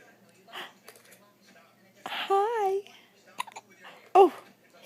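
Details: Infant girl with hiccups while smiling: several brief, abrupt gulping catches, each with a sharp onset, mixed with soft cooing.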